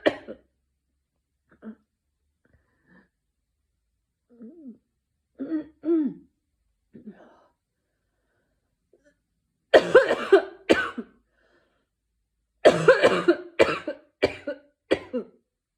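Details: Cough in an adult with sore throat since morning: several quieter throat-clearing sounds then two bursts of harsh coughing.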